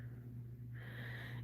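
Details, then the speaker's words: Loud, steady low rumbling snore, like a truck running, from a sleeping adult man who is extremely tired, with hissy airflow in the later half of each breath. "snoring is so loud here it sounds like a pup wood truck running"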